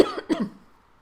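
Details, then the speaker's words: Two short, loose productive coughs clearing phlegm from the chest, from an adult with bronchiectasis and NTM infection, coughing on exhalation after huffing during airway clearance with nebulized saline and a flutter oscillating PEP device. "oh and when i breathe out sometimes i cough and so i need to do it a few times until i stop coughing on that breathing out"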